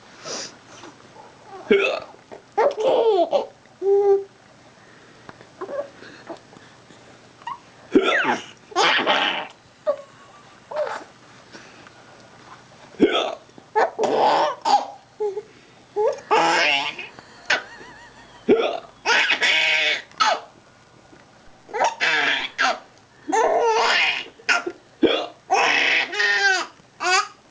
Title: Daddy's silly hiccups